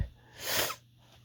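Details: A male sneezing after a tingling, tickling nose that built up over time: a single forceful, hissing sneeze in a quiet room, which is an ordinary sneeze.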